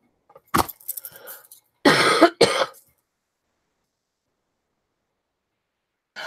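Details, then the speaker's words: Adult recovering from illness, first day feeling better, with a still-running nose blamed for the cough: a brief throat clear, then two short, harsh coughs with no rattle; dry cough. "I apologize in advance but I think it's just from my nose running so much"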